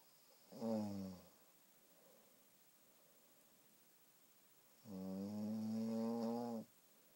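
Two buzzing snores, a short one then a longer one, separated by quiet breathing: ordinary snoring.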